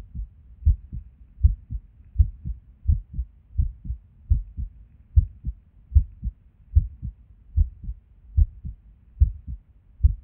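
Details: Resting heartbeat recorded while sitting at a desk: low thumps around 75 a minute with uneven spacing and occasional pauses, an irregular rhythm with skipped beats.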